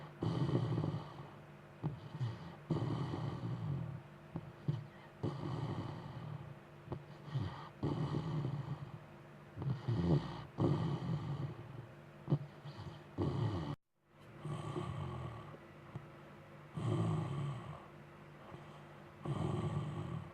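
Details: Loud snoring after a long day, from a cave-like sleeping spot: rough, rattling snores about every two seconds, with snorting, grunting breaths between them.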